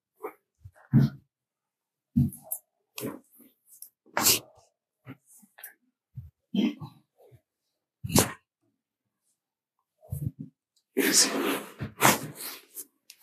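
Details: Patient during a full-body chiropractic adjustment for lower back/pelvic pain with pressure on the right side: several short snorts and sniffs, then a forceful sneeze-like burst of air near the end; sneezing.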